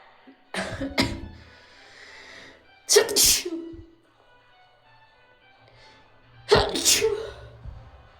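Three sharp explosive sneezes over about eight seconds, each with a short breathy lead-in, with faint background music.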